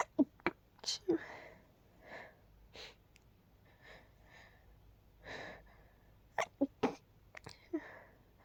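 A run of stifled, muffled sneezes, each a sharp held-back burst with short breaths between, in a quiet room.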